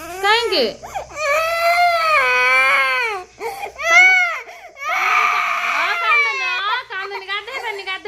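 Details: A young twin child cries after reportedly being pushed down the stairs and bleeding. The cries are loud, high-pitched wails with sobbing breaks between bursts, showing a distressed child.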